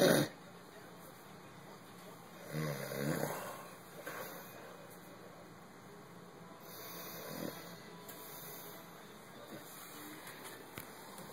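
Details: A few rough, rattling sleep breaths over low room noise; snoring.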